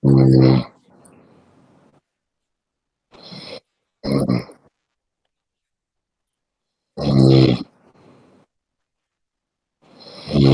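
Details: Person snoring while asleep, apparently after a game: loud, harsh, rumbling snorts in bursts with quiet gaps between them; heavy snoring.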